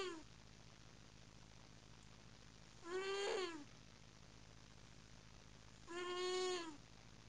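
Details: A black and white cat snores loudly while sleeping: a high-pitched, whining tone roughly every three seconds with each breath, like a muffled scream, over steady room hiss.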